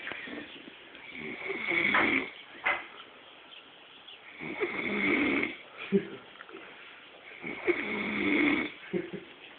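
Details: Loud rattling snores on each in-breath, about 18 breaths a minute, with quiet pauses between: ordinary snoring.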